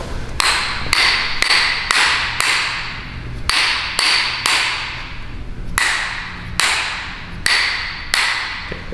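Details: Fourteen sharp, ringing taps at an uneven pace, each fading quickly: a rubber-tipped adjusting hammer striking the back of a 6'8", 420-pound strongman during a chiropractic adjustment.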